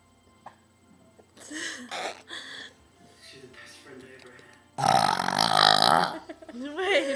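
A long, loud, voiced belch follows a few shorter ones, with people talking and laughing around it and faint music in the background.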